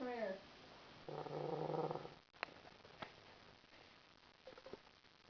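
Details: A single loud, buzzing snore about a second long from a man asleep on a couch after a trip, with room noises and faint background voices.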